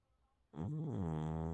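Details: Sleeping calico cat snoring; a low, droning, purring-like snore that starts abruptly and holds steady.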